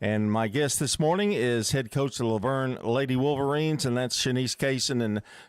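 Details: Adult male speaker; Normal speech.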